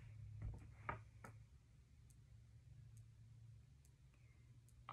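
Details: Several soft, sharp finger taps over a low room hum, percussing the liver during an abdominal assessment; dull over the liver, normal liver span of 6 cm.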